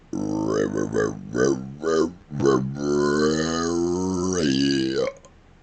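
A long, deliberate voiced burp shaped into short syllable-like pulses, then a sustained rumbling stretch; voluntary belching.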